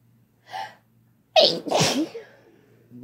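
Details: Single ordinary adult sneeze from a male or female: soft intake, then a sharp forceful burst of air with a brief voiced tail.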